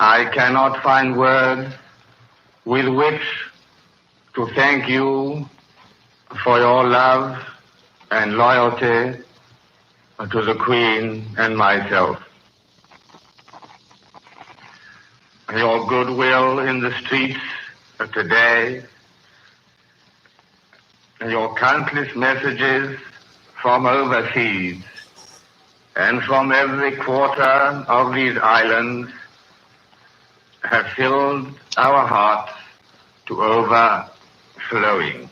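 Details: Real 1937 coronation-day BBC broadcast by a man with a severe stutter, recorded before his treatment by a speech therapist was complete, with hesitations throughout; finding: stuttering.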